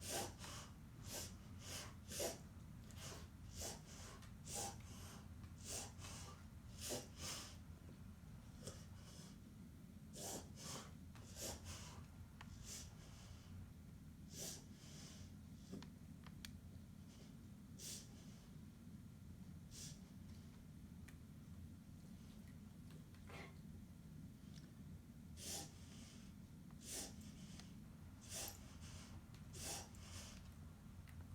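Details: Dog named Ouray with unusual breathing, which the vet said is reverse sneezing: repeated rapid, sharp inward snorting pulls of air over half a minute.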